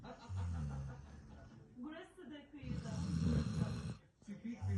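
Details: A sleeping Golden Retriever snoring: deep, rattling, snorting snores, with music and room sound in the background.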